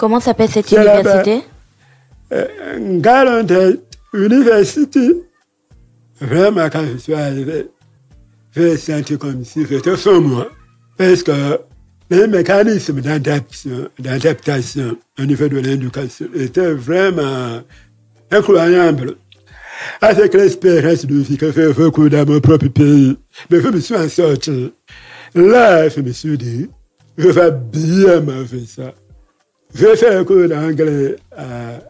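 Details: Deaf speech in French from a man who lip-reads. His hearing loss followed a childhood illness, which he says left his voice not normal.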